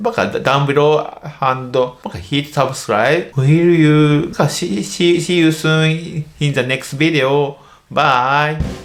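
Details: Stuttering (childhood-onset fluency disorder, a developmental disorder) in an adult male medical doctor who stutters.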